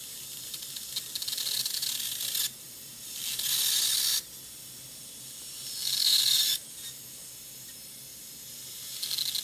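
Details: DSI Lindemann surgical heavy-duty dental drill, hardened steel with titanium carbonitride coating, in a live demonstration: three bursts of high-pitched hissing, grinding noise separated by quieter pauses as it cuts bone.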